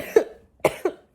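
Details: Cough.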